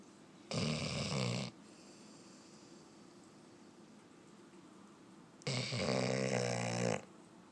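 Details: Close-up recording of a sleeping black and tan Labrador dog snoring: two loud, harsh, rattling snores, one short and one longer, over steady room hiss.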